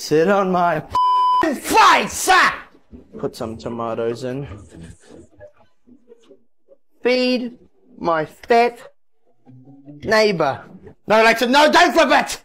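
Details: Adult man with Tourette syndrome, with involuntary words interrupting his speech; Tourette syndrome vocal tics.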